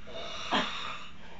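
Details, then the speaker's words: Single brief, rough snorting breath rising from quiet room noise, snoring of a young man asleep on his back at 8:20 am on holiday; own snores occasionally wake him. "El bebé sigue dormido. Se despierta de vez en cuenta, de vez en cuando sus propios ronquidos lo despiertan."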